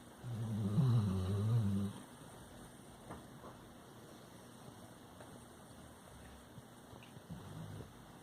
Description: Labrador Retriever dog Jackson snoring in his sleep.